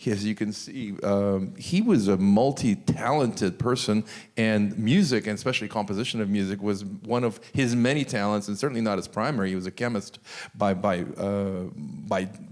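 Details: Adult man speaking; normal voice.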